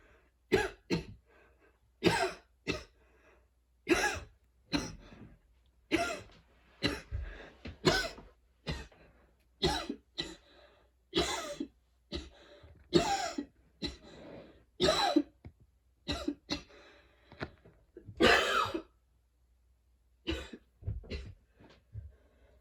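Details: Long wheezy coughing fit after a run, with freshly cut grass outside (allergies) and fatigue: about two dozen harsh coughs with a faint wheezy tone between some bursts.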